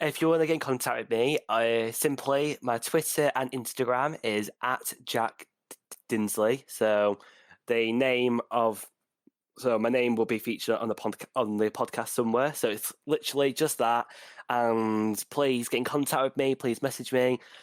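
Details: Young adult man, a final-year university student, who has stammered for as long as he can remember; stuttering.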